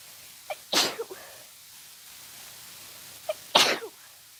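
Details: Sudden short sneeze attack of unknown cause: two sneezes in quick succession, each with a brief sharp intake before an explosive burst; sneezing.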